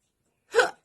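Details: Woman with hiccups during a live makeup session, while applying liquid blush: a single short, abrupt vocal catch after silence; hiccup.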